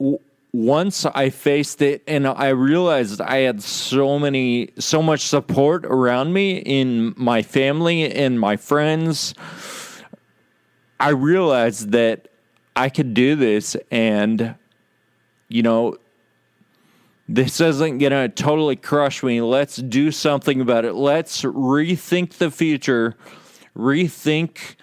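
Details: Ataxic dysarthria in a male podcast host with Friedreich's ataxia, who says slurred speech is a symptom of his condition, along with loss of balance and of muscle control in his legs and arms.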